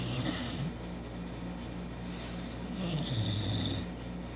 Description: 4 month old cane Corso snoring. ..